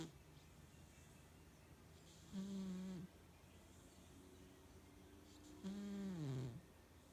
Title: Keeps snoring